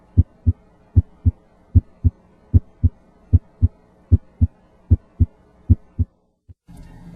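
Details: Normal heart sounds at the apex (point of maximal impulse); regular lub-dub at about 75 a minute with soft background music, ending in stethoscope rustle.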